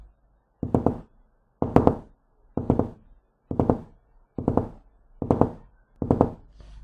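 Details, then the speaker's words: Teaching example of a gallop rhythm: heartbeats at about 67 a minute, each a quick triple sound like a cantering horse instead of the normal two heart sounds. "بدل ما بتسمع انت first second اللي هو لب دب، انت بتسمع 3 اصوات بالظبط، عامل زي مشية الحصان."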